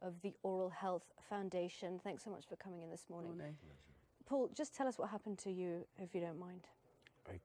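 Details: Adult female speaker; Normal speech.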